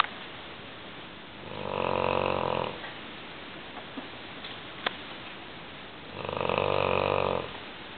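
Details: Large female English Mastiff snoring loudly while asleep: two slow, loud, buzzing snores about five seconds apart, with steady background hiss between.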